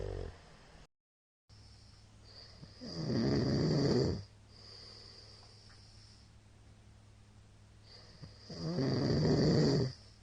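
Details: Middle-aged man's habitual snoring recorded 2022-03-21, short session: loud, rough, rattling snores on two breaths about six seconds apart, quiet breathing between, steady background hum; heavy snoring.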